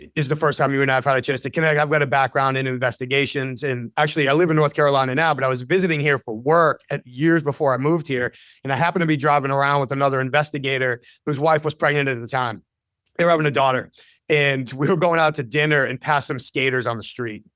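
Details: Adult man; typical speech.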